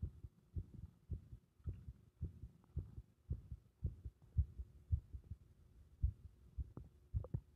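Muffled low heart sounds, about 110 a minute, with uneven spacing between beats, fitting an irregular rhythm (arrhythmia).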